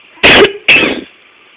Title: My cough is making my cat mew